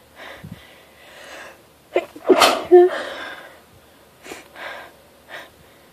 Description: & its tickling my nose !!!